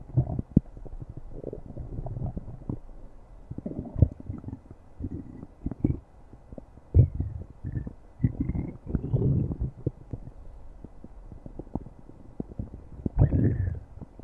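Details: Low, gurgling rumbles and squeaky bubbling sounds of stomach growling: borborygmi, a normal bowel sound.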